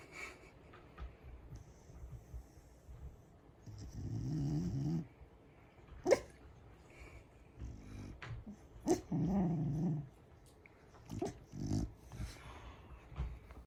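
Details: Loud, rough, rumbling snoring breaths with brief snorts between, from a sleeping Corgi dog.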